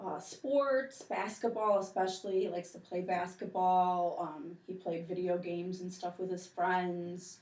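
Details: Adult woman speaking; Normal speech.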